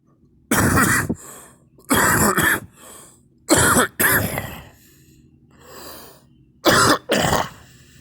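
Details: Four loud, harsh cough episodes, several as double coughs, with breathing between them, in a forceful repeated cough that brought on vomiting twice.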